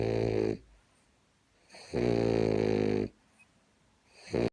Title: Dolly snoring